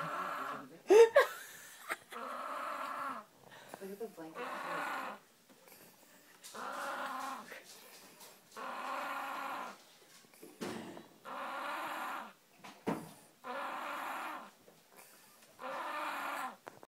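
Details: Baby snoring very loudly: regular rattling snores on each breath, roughly sixteen breaths a minute, with soft background noise.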